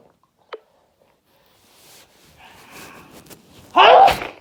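A short breathy intake, then one loud explosive sneeze burst at the end.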